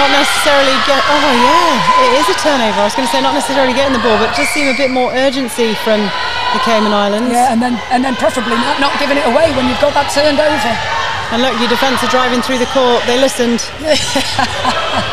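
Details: Adult woman, sports commentator; normal speech.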